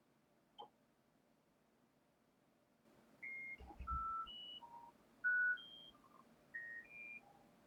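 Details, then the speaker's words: Cochlear implant activation session: quiet test tones played at a low starting level and gradually raised by the audiologist as the patient reports loudness. "It's low, but we're going to give it a shot. It's really quiet."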